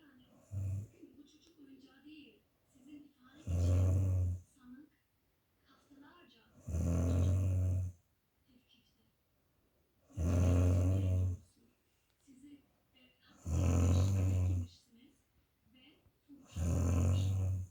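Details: Adult woman snoring very loudly while asleep: loud, regular low rumbling snores, about five in 17 seconds (roughly 18 breaths a minute), with quiet pauses between; heavy snoring.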